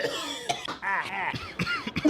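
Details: Loud throaty clearing and short coughs in quick succession from an adult man with habitual throat clearing at home and on videos, linked to acid reflux treated with a daily 20 mg medication.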